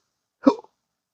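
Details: One short, abrupt voiced hiccup from a patient with intractable hiccups since December 2015, following surgery with nerve damage and unresponsive to current treatments, with frequent burping.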